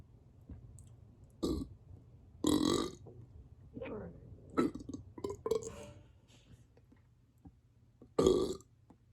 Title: Burps on command and bloat (rubs needed)